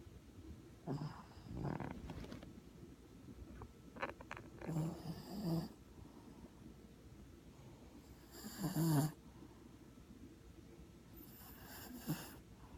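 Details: A dog snoring loudly in its sleep: intermittent rough snorting breaths with a low room rumble underneath.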